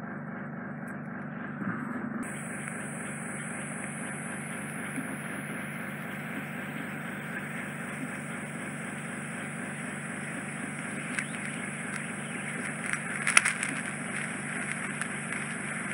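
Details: Endoscopic ear microsuction with fine-end 18-gauge tip removing residual impacted wax off a man's tympanic membrane, slightly narrow canal entrance: steady high-pitched suction whine over low motor hum, brief crackling as wax is drawn off.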